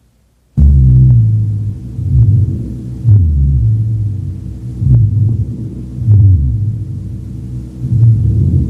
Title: RHONCHI - RIGHT LOWER LOBE | BREATH SOUNDS | AUSCULTATION